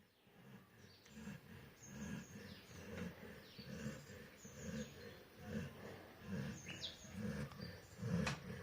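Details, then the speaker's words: Pet dog snoring while sleeping around 3 pm in daytime after eating rice: soft rhythmic rumbling breaths about one per second, outdoor bird calls behind; snoring. "ഇത് നമ്മുടെ Bruno ആണ് കേട്ടോ Bruno കൂർക്കം വലിച്ച് കിടക്കുന്നത് അതും പട്ട പകൽ സമയം"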